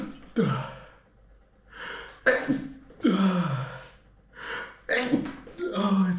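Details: Allergy sneezes held back: about four muffled sneezes, each preceded by a sharp indrawn breath; stifled sneezing.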